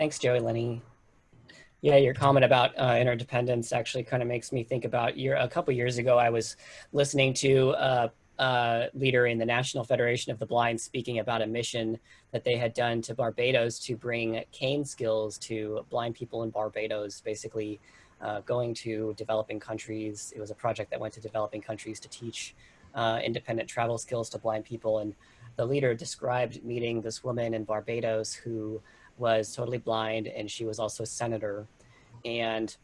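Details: Adult male speaker; Typical speech.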